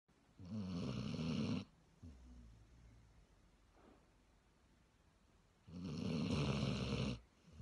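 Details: Basset Hound snoring in sleep: two loud, rumbling snore bursts on inhalation, separated by quieter breathing.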